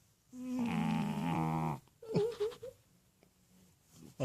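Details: Male French bulldog snoring while asleep on owner's pillow: one long, loud, rattling snore followed by short snorts and grunts; snoring during sleep.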